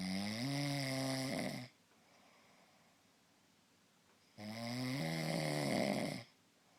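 Two long, loud, buzzing snores with a rising, vibrating tone, each followed by a quiet pause: heavy snoring.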